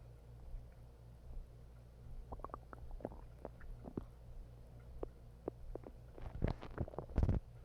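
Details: Low rumbling with bursts of gurgles and squelches from an adult's stomach after eating half a bag of hot chips: ordinary stomach growling (borborygmi).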